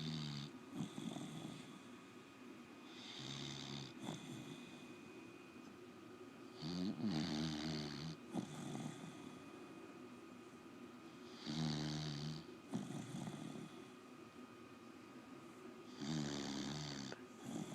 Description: Dog snoring